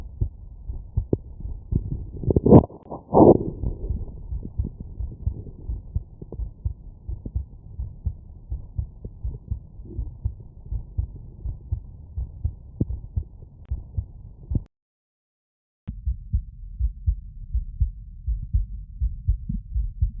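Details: Normal heart sounds.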